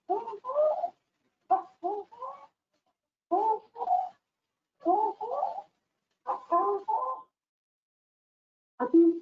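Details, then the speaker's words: Young girl, child health assessment example: harsh, crowing noise on each inspiration; inspiratory stridor. "Cuando inspiraba, escuchamos un ruido áspero. Por lo tanto, decidimos que tiene ruido."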